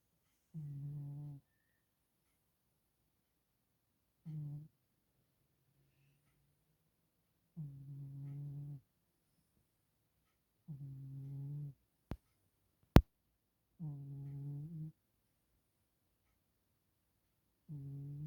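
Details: Cat snoring heavily: loud buzzing, voiced snores roughly every three seconds in a quiet room, with two brief clicks.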